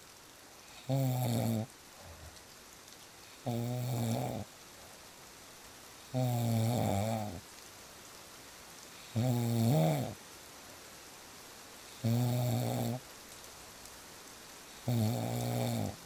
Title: • Fall Asleep Fast With Real Snoring Sounds